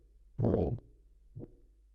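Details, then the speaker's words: Harsh, blowing whoosh filling the heartbeat, followed by a softer thud, demonstrated by a cardiologist as a heart murmur heard by ear that points to an aortic valve problem: aortic stenosis murmur. "esas por lo que se llaman soplo porque recuerdo un poco cuando uno sopla dentro del todo es ese sonido sería una forma de diagnosticar simplemente con el oído"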